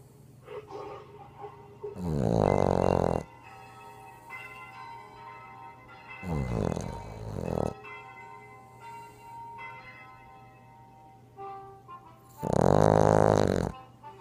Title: Maggie the Snoring Boston Terrier